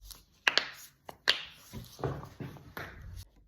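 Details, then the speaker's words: Several sharp clicks and cracks during spinal manipulation by a chiropractor or osteopath: joint cavitation pops, a harmless gas release, not bones moving. "Sound manipolazione scrocchiamento chiamatelo Come volete c'è una credenza Popolare che attribuisce questo rumore alla manipolazione vertebrale perché si pensa che chi manipola chiropratici osteopati comunque spostino le articolazioni quindi le ossa in verità non avviene tutto ciò"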